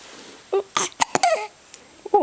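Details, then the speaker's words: Hiccups in a little one who has them again: several short, sharp voiced gulps within about two seconds, each a sudden catch of breath. "ok the little one has the hickups again see what m has to say they go away"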